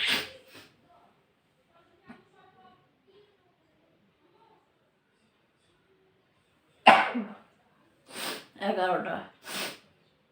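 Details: Several sharp sneezes and nose-blowing bursts separated by stretches of quiet and faint sounds; sneezing.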